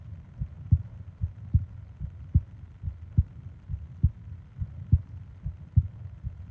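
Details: Normal heartbeat: steady, low thumps at about 72 beats a minute in a regular rhythm, from a 20-minute ASMR sleep-aid recording of heart and breathing sounds.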